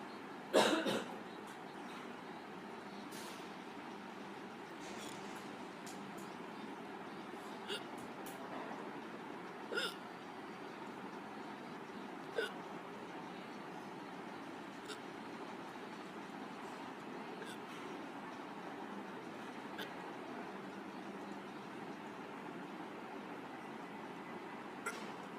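An adult gives about five short, abrupt gulping clicks, the first the loudest, against steady room noise.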